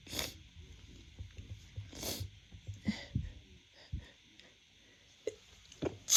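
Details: Woman's first hay-fever sneezes of spring 2024, from pollen: two or three sharp, explosive sneezes in quick succession, then small sniffs and rustling.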